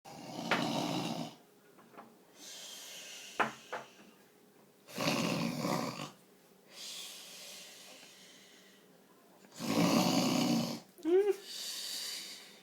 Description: Baby startled by snoring sound